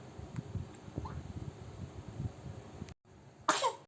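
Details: Sick baby coughing: a short, sharp cough burst from an infant near the end, after a stretch of quiet rustling.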